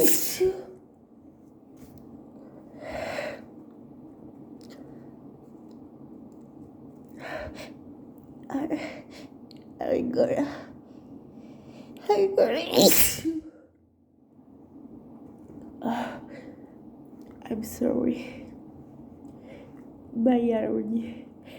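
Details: Adult with allergies at work, unable to stop sneezing, with very wet sneezes: repeated sneezes with sharp indrawn breaths between, several over about twenty seconds in a quiet room.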